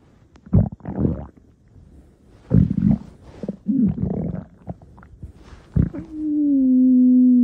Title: Shifty Stomach Growling V2